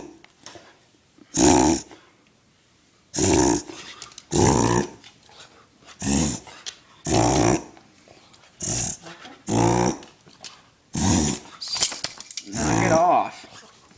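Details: Dog's reverse sneeze: about nine loud, honking, snorting rhino-like inhalations in quick bursts, forceful inward breaths through the nose.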